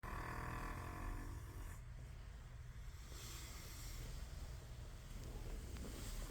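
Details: A buzzing, rattling snore at the start of a breath, then quieter low rumbling breathing.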